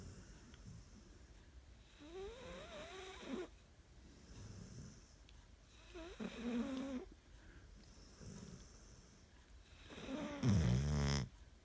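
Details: A dog snoring: soft, irregular breaths with a fluttering, snorting quality in a quiet room, ending in a louder snort.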